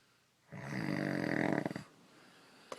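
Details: A sleeping adult man's single loud, rough, rattling inhaled snore lasting over a second in a quiet room; snoring during sleep.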